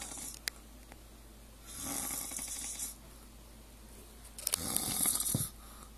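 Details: Two airy, hissing breaths, the second ending in a brief snort, with small clicks in a quiet room; snoring.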